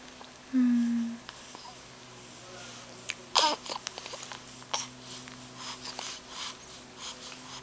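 A single sharp, explosive sneeze burst stands out against quiet room noise, with a brief breathy sound before it.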